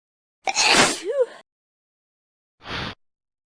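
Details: One forceful sneeze with a voiced tail, then a short breathy burst, an ordinary sneeze.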